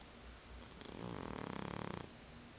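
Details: A sleeping cat makes a soft, rapid fluttering rasp on one long breath; cat snoring.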